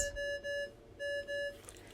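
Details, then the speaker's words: Home pulse oximeter for a child's cardiology oximetry recording alarming on poor signal quality, with an error message on screen: two pairs of steady high-pitched beeps. "If there is an issue with signal quality, an error message will be displayed on the front of the monitor and the monitor will alarm to alert you of this."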